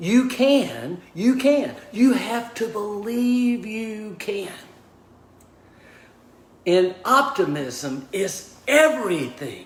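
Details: Aphasia after a stroke in a man of about 61 at onset, diagnosed 26 months earlier; initially unable to talk, write or communicate, now relearning speech, reports mixing up words and slowing down to avoid slurring.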